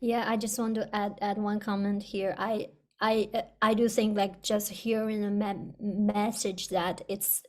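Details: Person who stutters, with audible word and part-word repetitions; stuttering.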